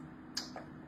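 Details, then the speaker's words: Transcranial magnetic stimulation coil pulsed over the nerves of the demonstrator's own arm, making the hand and fingers move: a single sharp click from the coil pulse, followed by a faint softer tick. "So, when I put the TMS magnet on my arm, it will and I pulse it, that magnetic field is going to make the nerve cells in my arm talk to each other and make my hand move like this."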